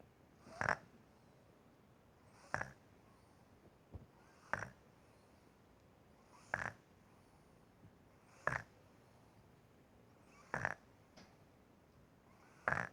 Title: Cute/funny baby snoring